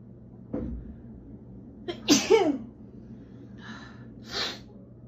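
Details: Woman's allergy sneezes, mostly from dust allergy: a quick in-breath, then a loud explosive sneeze, followed by a softer second sneeze, in a quiet room.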